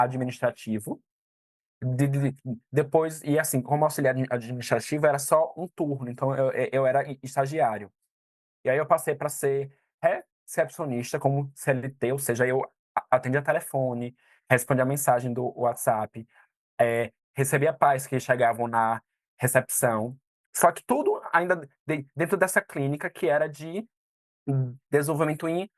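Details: 22-year-old man who stutters; stuttering.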